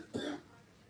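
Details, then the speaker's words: Cough from a hospitalized child lying under the covers in a quiet room: a single brief, somewhat muffled cough from a little way off. "he's laying under the cover you you can hear him back there coughing and y'all probably see him moving around every now and then"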